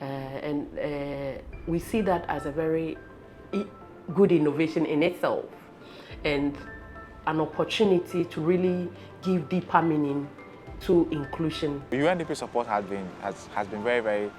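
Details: Adult male speaker; speech.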